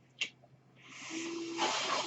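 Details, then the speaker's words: Sound of the speaker's own mechanical ventilator during recorded speech: a soft click, then a rising rush of airflow with a faint steady tone swelling to a louder gust as the ventilator delivers a breath. "That noise here is my ventilator."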